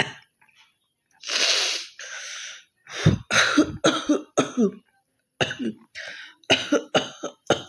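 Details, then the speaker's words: Deliberately performed cough/hawking challenge by an adult woman at home: a long harsh hawking burst, then a rapid run of forced throaty coughs and throat clearing; voluntary cough. "তো একটু ভালো কাশি কাশি হয়েছে, তো চলো ভাবলো কক চ্যালেঞ্জটা করাই যাক।"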